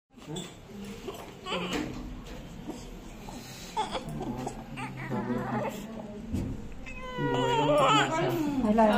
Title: #firstcry new born baby after delivery baby wt 4.8kg Normal baby delivery